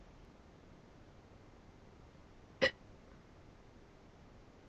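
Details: A female, a little sick with a hoarse voice, sitting on her kitchen floor: a single sharp, brief hiccup against a steady low background hiss; hiccups.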